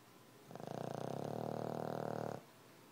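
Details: Dog snoring during sleep, one sustained buzzing, fluttering snore of about two seconds, part of snoring heard all night long; snoring.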